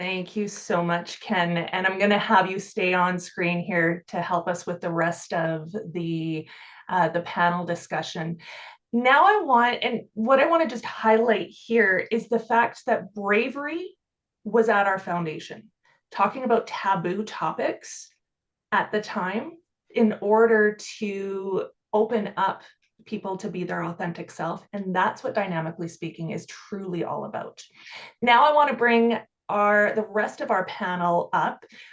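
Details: Adult woman speaking; normal speech.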